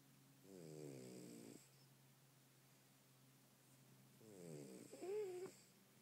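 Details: Snoring from a sleeping French bulldog: two loud, rattling snores roughly three seconds apart, each a long throaty inhalation with a fluttering buzz.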